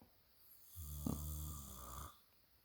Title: hubby snoring up a storm! ugh....he drives me crazy!